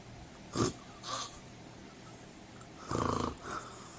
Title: Sleep fan [⚠️ WARNING ⚠️ LOUD SNORING]